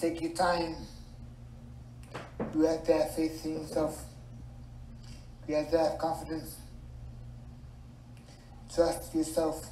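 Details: Speaker who had to relearn how to talk, living with dysarthria, a speech disorder caused by weak speech muscles; dysarthria.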